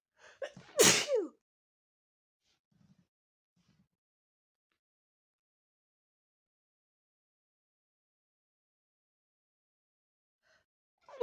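A quick inhaled build-up followed by one forceful, explosive sneeze, then near silence.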